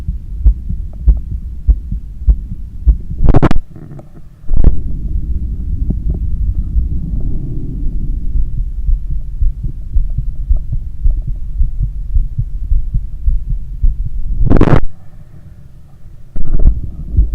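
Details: Normal heart sounds on stethoscope auscultation during cool down after a long run: fast, regular heartbeat with a few loud rustling bursts.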